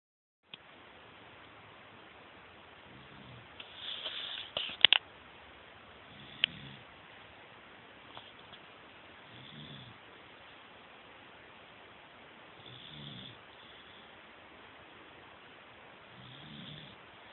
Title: Gonzo snoring